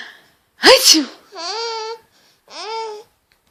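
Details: Mother sneezing: a single sharp, explosive sneeze, followed by two high, squealing laughs from her baby; sneezing.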